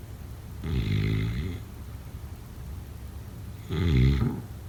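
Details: Two deep, vibrating snores on breathing in, about three seconds apart, with quiet breathing between; snoring during sleep.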